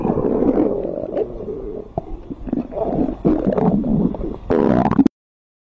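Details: Woman's stomach growling, heard as stomach rumbling (borborygmi).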